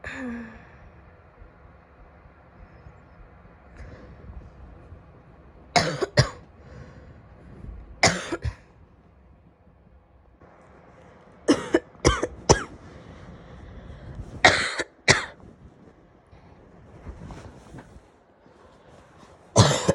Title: coughing (f)